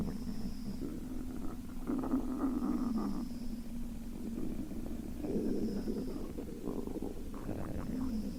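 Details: Sleeping girl, hungry: low, gurgling, rumbling bowel sounds rising and falling over several seconds against quiet hiss; stomach rumbling.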